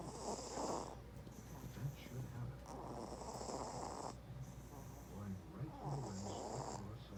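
Soft, rough breathing noises in regular cycles during sleep, with low rattling on each breath: infant snoring.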